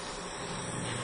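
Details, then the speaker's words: Dental saliva ejector suctioning a child's saliva during her first dental visit: continuous airy hiss with a low gurgling rumble. "laway mo sinisipsip yung laway mo ha hindi siya Gag nagagalaw ha steady lang ha steady lang yan"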